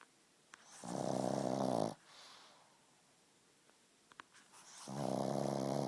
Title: Pug snoring